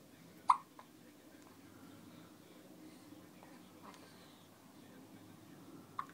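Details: Male who gets hiccups at least once a day: two short, sharp hiccup sounds about five and a half seconds apart, with quiet room noise between them.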